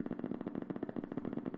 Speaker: we ask the patient for a very slight contraction and now a new motor unit is coming in one can hear that in the background